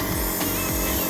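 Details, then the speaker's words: Elitech Promist-2 compressor nebulizer, mask and medicine container attached, being switched on in a demonstration: a continuous loud buzzing motor drone with a rattling edge as mist starts to come out. "And now we're going to see we turn it on and we'll see whether the steam will come out or not"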